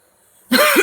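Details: Single short, harsh cough from an adult woman who has been coughing a lot, in a quiet room.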